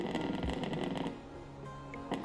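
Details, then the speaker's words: Hummingbird heartbeat: a very fast, buzzing train of tiny beats at about 1200 beats per minute. "Пульс колибри составляет 1200 ударов в минуту,"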